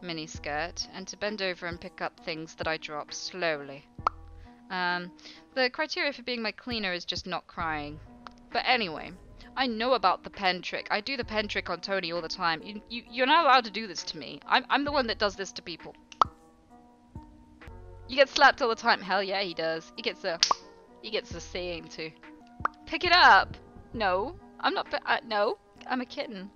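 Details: Real Tourette syndrome in a live streamer, with involuntary vocal tics including swearing and phrases; the streamer describes sometimes trying to suppress tics; finding: Tourette syndrome vocal tics.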